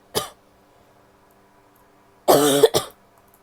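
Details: Female coughing: one short cough, a pause, then a longer voiced cough followed quickly by another.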